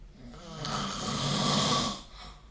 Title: 🐽 Snoring Sleep Sound